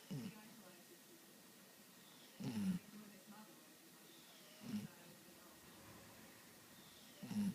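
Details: Soft, low snorting snores recurring every two to two and a half seconds in a quiet room: snoring.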